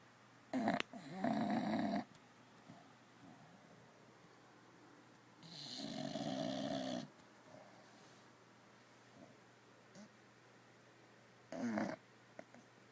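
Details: Snoring in a female bulldog, a flat-faced breed, sleeping on a new corduroy bean bag bed: three rough, noisy breathing sounds at uneven spacing, with quiet in between.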